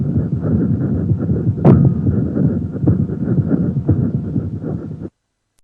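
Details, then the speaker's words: Pericardial friction rub: a harsh, scratchy, near-continuous grating over the heartbeat, usually heard diffusely over the chest wall. It is louder when sitting up and leaning forward, may be louder on inspiration, and is likened to walking on fresh snow. "it is accentuated when the patient sits up and leans forward and may oughta be accentuated during inspiration it is characteristically likened as being similar to the noise made when walking upon freshly laid snow"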